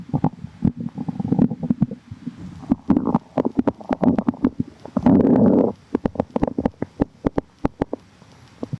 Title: tummy hurts | stomach growling